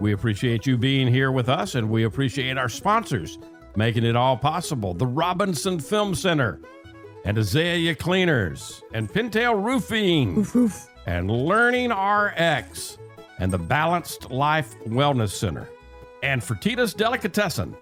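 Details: Adult male speaker; normal speech.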